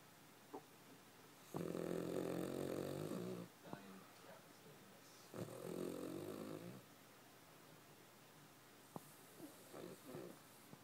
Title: Charlie the snoring dog2